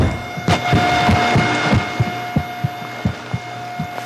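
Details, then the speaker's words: AI smartphone heart-sound app demo on an iPhone placed on the chest for a 7-second recording: soft, regular low heartbeat thumps with steady hum and room noise; app analysis result healthy heart. "and then you record it for 7 seconds. Perfect, and it's just given an audio recording that you'll be able to hear."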